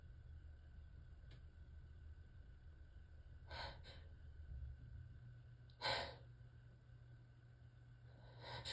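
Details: Relaxed, loose sneezing fit while warm in the tub, mostly uncovered sneezes: several soft, loose sneeze bursts over a steady low room hum, part of a run of repeated sneezes.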